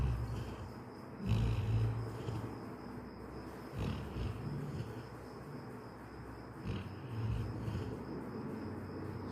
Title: "Paw-some snores: My dog's bedtime symphony."# funny #doglife